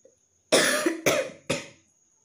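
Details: Real, not staged, cough in a person with an intensely tickly throat; coughs come only now and then, not constantly. Three sharp, dry coughs in quick succession, then silence; cough.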